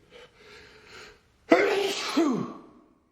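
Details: Man, a self-described pretty allergic person, in a sneezing fit from cat (Persian) allergy: a faint lead-in breath, then one forceful explosive sneeze with a trailing voiced cry; allergic sneezing.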